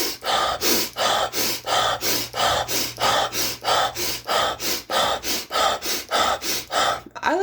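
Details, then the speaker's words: Fast, forceful in-and-out breaths at about 94 a minute, in through the nose and out through the mouth; deliberate voluntary hyperventilation demonstrated as a breathing exercise to raise alertness. "But when it comes to breathing, it's hyperventilation. You basically breathe in, breathe out really"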